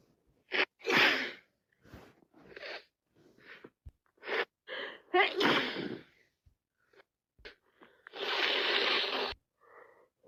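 Several wet, explosive sneezes with sniffing and gasping in-breaths between them, with one long forceful sneeze near the end; sneezing and sniffles from a cold.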